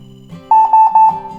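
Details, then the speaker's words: Repeated high-pitched alarm beeps over a low device hum: a Ruah ventilator's high-pressure alarm, with a 30 cmH2O peak pressure exceeding an upper alarm limit set at 25 cmH2O, during a usability training demonstration. "como o valor da pressão de pico ela superior ao alarme máximo o sistema indica alarme de pressão alta"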